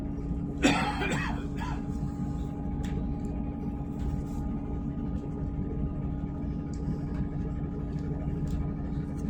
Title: Mature Male Smoker Coughing in Train (6)